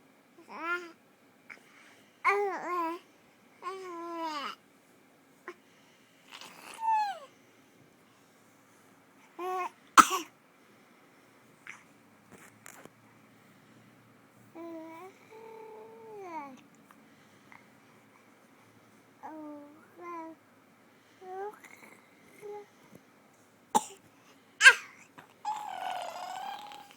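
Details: Infant babbling and cooing in the morning, with a few short, sharp, deliberately produced cough-like bursts mixed in: voluntary (fake) coughing.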